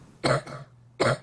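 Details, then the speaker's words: Patient video sent by parents; two loud, harsh, throat-clearing coughs about a second apart, each with a rough tail, a habit cough (somatic cough syndrome) that goes on all day and is absent once asleep. "they're asleep they are quiet if someone is coughing all night it is not the habit cuu causes a lot of stress not just for the patient but the whole family to live with that sound going on all day until they go to sleep"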